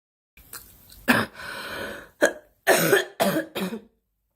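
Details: Girl coughing: a few short coughs, a breath in, then a run of three quick, sharp coughs; repeated coughing.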